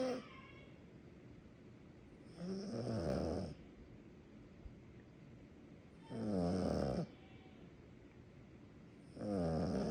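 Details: Sleeping small dog, tagged Yorkie life, snoring "like an old man": three regular rattling snores about three seconds apart, roughly 19 breaths a minute, quiet between; steady snoring.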